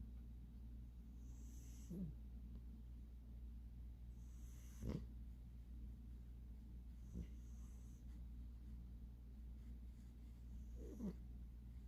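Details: Sleeping cat cuddling a stuffed fish gives soft, brief snorting breaths every two to four seconds over a low steady room hum: gentle snoring.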